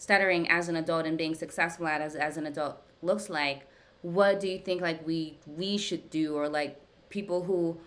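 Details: Adult woman who stutters, speaking during a live therapy session with her speech therapist, whose therapy she says has gradually helped her speech over time; stuttering.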